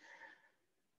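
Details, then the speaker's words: Pet dog snoring in a quiet room: a single soft, breathy snort-like exhale that fades within half a second. "and that's my dog that's snoring if you can hear the snoring going on"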